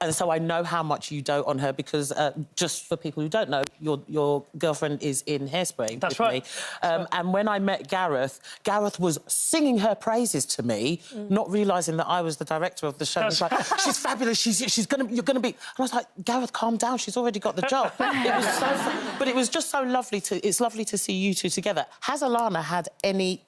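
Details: Adult woman speaking; no speech disorder.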